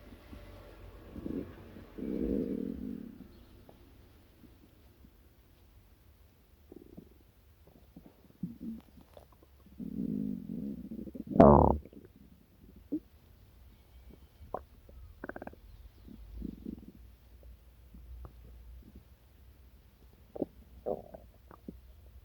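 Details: Low gurgling rumbles and short squelches from the belly after breakfast; stomach growling (borborygmi).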